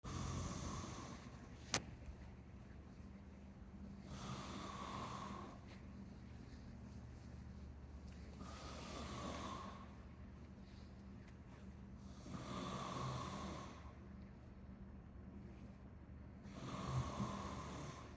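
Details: A person snores very loudly: rough, rattling snores recur about every four seconds, roughly 14 breaths a minute, over a low room hum.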